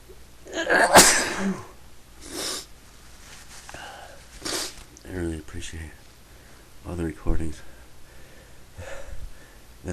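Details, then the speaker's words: A loud sneeze near the start, then sniffing, breathing and brief voiced sounds in a small room, from a person who has been sneezing repeatedly all day. "I've been sneezing a lot today so I thought I would take the need to make a recording sneeze"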